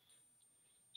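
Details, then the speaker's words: Simulated tinnitus played as an example in a hearing talk: a steady, very high-pitched thin whistle, the traditionally perceived, unpleasant ringing. "si vous entendez voilà l'acouphène plus perçus traditionnellement les sifflements pas très agréable"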